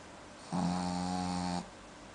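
One loud, steady, buzzing snore lasting about a second, rattling in the throat.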